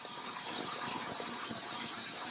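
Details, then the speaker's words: Wire-brush dermabrader running during dermabrasion for acne scarring of mid-cheek, temple and glabella in a female Fitzpatrick III patient, combined with CO2 laser and chemical peel: steady loud high-pitched whine and hiss of the spinning rotary brush. "everyone who's has learned this technique is a caught the sponge at least once or twice in the dermabraider and it becomes frightening for the patient especially when you're doing a small area this is quite"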